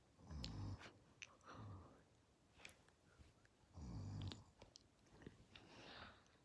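Deep rumbling snores in bursts with softer breathing between, from a sleeping dog.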